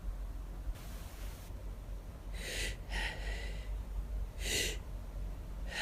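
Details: Hay fever sneezing after running out of allergy medication, with itchiness and lightheadedness by the end: sharp inward gasps followed by a run of explosive sneezes in quick succession.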